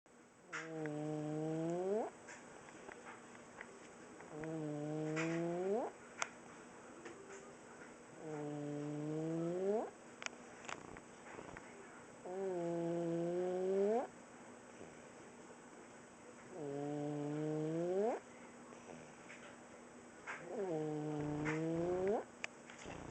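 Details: Almost 5-year-old boy with laryngomalacia, asleep at a certain angle: loud, high-pitched musical crowing on each in-breath, about 15 breaths a minute; inspiratory stridor, now less frequent than before.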